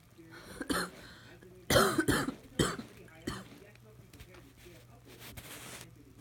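A few short coughs and throat-clearing sounds from an adult in the background, with a low room hum and faint household noise.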